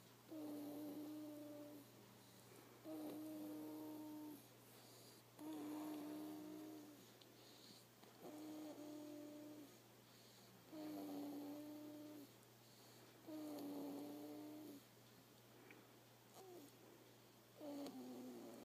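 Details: Sleeping baby snoring: rhythmic, tonal humming snores with each breath, about 24 a minute, against a steady low room hum.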